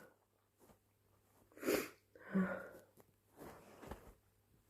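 A sharp, forceful sneeze followed by a wet nose-blowing sound and a few sniffs in a quiet room.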